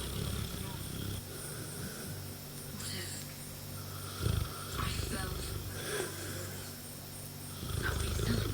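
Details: Mastiff cross dog asleep and snoring: low, rumbling snores over television dialogue in the background.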